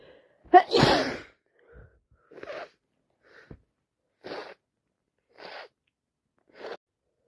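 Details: Sneeze with a cold: one loud sneeze with a sharp inward gasp, then several short sniffs through a congested nose.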